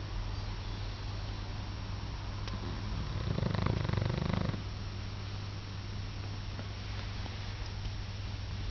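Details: Dog snoring while asleep: one rough, rumbling snore over a steady low background hum; ordinary snoring.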